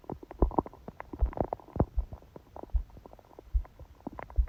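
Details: Stomach recorded during sleep with a phone held on the belly under a book: irregular gurgles, pops and low rumbles, close-miked; a loud, fast heartbeat was also noticed; stomach growling (borborygmi).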